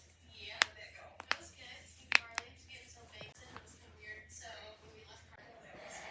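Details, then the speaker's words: Several sharp, brief pops from finger joints amid quiet rustling; deliberate knuckle cracking, described afterward as painful but feeling good. "I'm gonna crack my knuckles. So if you don't like the noise of cracking knuckles, don't watch this."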